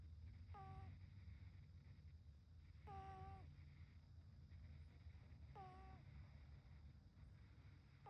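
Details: Sleeping tri-color British Shorthair cat: short whistling squeaks about every two and a half seconds over a steady low rumble; snoring.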